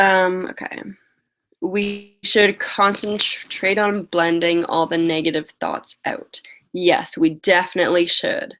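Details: Woman with a stutter who uses strategies such as prolonging words and talking slowly, currently very tired; stuttering.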